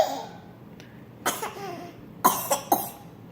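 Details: Baby with hiccups, also sneezing: three short, sharp bursts with brief voiced catches after each, in quiet room noise; a small cough or hiccup-like sound.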